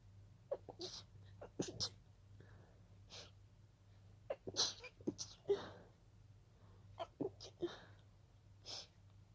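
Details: Several breathy, stifled sneezes in quick succession with quiet breaths between; a sneezing fit that started as a pollen allergy.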